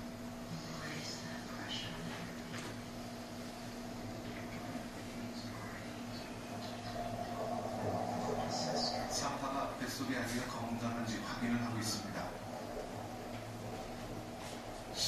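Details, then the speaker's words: Fetal heartbeat on Doppler during labor in a woman giving birth with hypnosis: rapid, rhythmic whooshing pulses about 160 a minute, described as strong and vigorous. "심장 소리가 아주 씩씩하게 들리죠"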